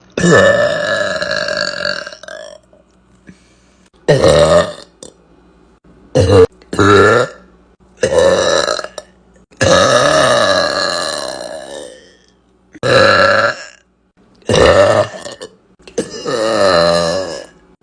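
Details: Girl burping deliberately: about nine loud, long, voiced burps separated by short pauses; belching.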